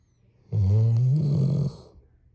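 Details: One loud, low, rattling snore lasting about a second, with a deep vibrating buzz. Snoring.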